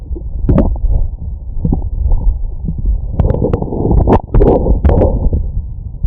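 Low rumbling and gurgling with brief louder bursts, typical stomach growling from gas and fluid moving through the gut.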